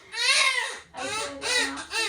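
Three loud, high-pitched crying bursts with short breaths between; a newborn's vigorous cry right after birth.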